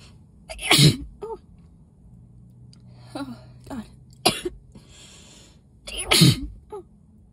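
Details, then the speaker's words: Sneezing fit of three loud explosive sneezes in quick succession, each preceded by a short indrawn breath, in a person who is ill and exposed to dust, after holding the sneezes in earlier. "I decided to help her pack up her Christmas decorations and put them back in the Hat and the dust on top of being sick got to me but I couldn't like let it out in front of her because mental block"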